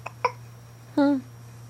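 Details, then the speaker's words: Infant with a pacifier having hiccups: two short sharp catches followed by a brief voiced sound over steady background hum; hiccups. "get the hiccups you got the hiccups"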